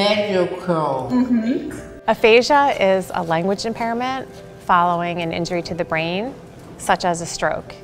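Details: Adult female narrator; fluent speech.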